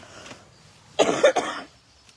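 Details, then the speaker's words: Woman coughing during a live talk, sipping water to ease it: two or three short, dry coughs in quick succession in a quiet room. "oh I was really hoping I wasn't going to be coughing it I just keep drinking water I think and that will solve that"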